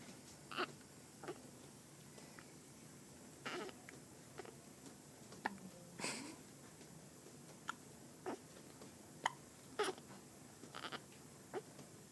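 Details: Awake person with repeated hiccups: about a dozen short, sharp catching sounds at uneven intervals over twelve seconds in a quiet room.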